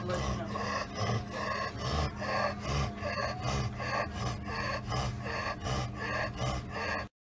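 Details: Dog with laryngeal paralysis: fast, harsh, raspy noisy breathing, the stridor of laryngeal paralysis.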